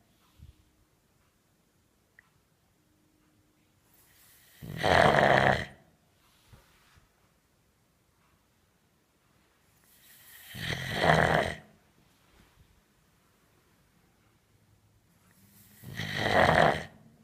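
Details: Shar-Pei dog snoring: snorting, rattling snores at slow, uneven intervals, about ten breaths a minute, in a quiet room.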